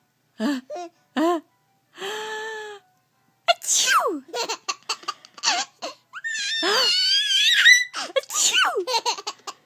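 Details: A short inward gasp and a sharp adult sneeze, followed by a baby's high, bubbling laughter; an ordinary sneeze.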